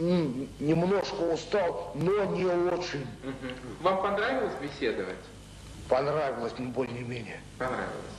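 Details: Adult male with mild intellectual disability (debility) in a 1995 psychiatric interview, real patient, with speech pathology; speech disorder in mild intellectual disability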